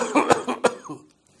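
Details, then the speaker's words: Doctor imitating an asthma-type cough: a relatively deep breath then two or three strong coughs in a short run, classical of irritation in the medium-sized airways as in asthma. "this is classical cough that originates from the mediumsized Airways as in asthma"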